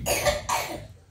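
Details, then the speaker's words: Child sick with flu for several days, coughing and expelling a lot of nasal mucus: two quick coughs, the second shorter, in a quiet indoor room; cough. "Escúchenlo tosiendo y botando muchísima secreción por la nariz, todo esos mocos botándolo, porque él le daba gripe, pero no botaba esos mocos."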